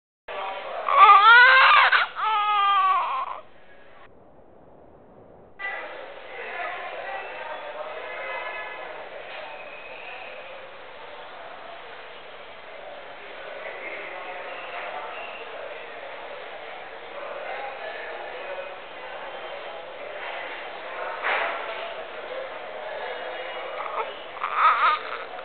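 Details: Newborn baby's first cry: a short, loud, high-pitched cry, then quiet fussing over low room chatter.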